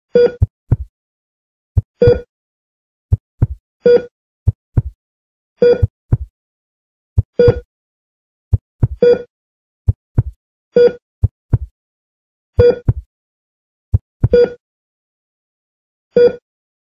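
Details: Simulated hospital heart monitor sound effect made for video editing: steady tonal beeps, about 34 a minute, alternating with soft low heartbeat-like thumps; heart monitor beeping.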